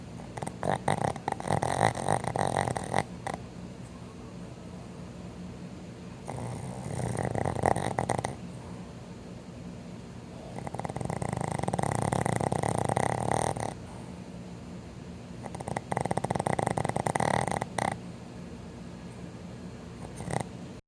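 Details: Sleeping Boston Terrier dogs snoring loudly enough to drown out a TV: rough, rattling snores with quiet pauses, about four breaths in twenty seconds; snoring.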